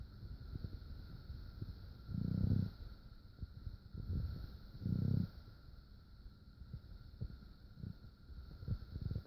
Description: I am fast asleep next to my Foster Mom in her bed. I guess my snoring keeps waking her up. She does not mind.